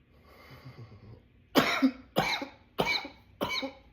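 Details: Runaway coughing attack: quiet breathing, then four harsh coughs in quick succession, part of a run of repeated coughing.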